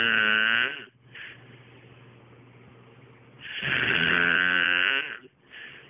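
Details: Man snoring after drinking beer the night before: two loud, buzzing, whistle-like snores on breathing in, with quiet breathing between them.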